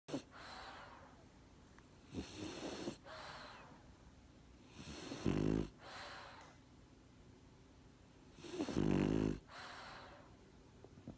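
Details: French Bulldog asleep: loud rattling snores on each breath in, with softer breaths out, about a dozen breaths a minute; snoring from a flat-faced dog.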